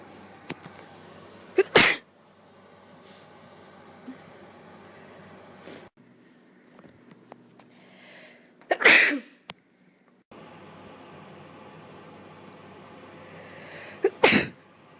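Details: Girl sneezing: three sharp, explosive sneezes, each preceded by a brief breath in, a few seconds apart against quiet room noise.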